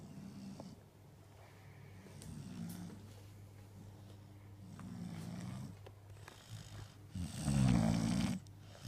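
Repeated low rattling breaths in a quiet room, ending in one louder snorting breath; a sleeping animal snoring.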